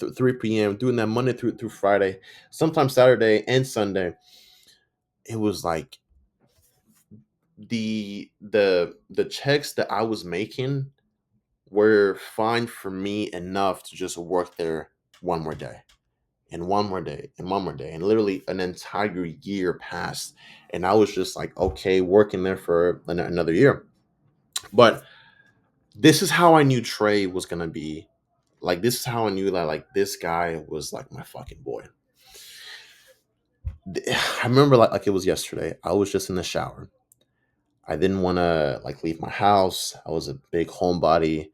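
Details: Stuttering in an adult man, self-reported, with audible sound and word repetitions; he says he sometimes stutters and butchers or mispronounces words.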